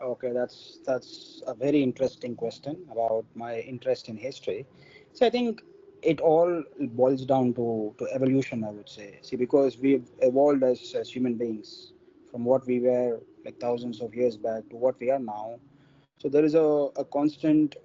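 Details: Stuttering in an adult man from India who is a person who stammers.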